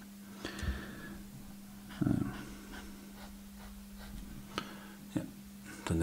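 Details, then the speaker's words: Sleeping dog snoring in the background: faint, irregular low snorts and breathy rumbles over a steady electrical hum in a quiet room. "sorry if you can hear that that's my dog snoring"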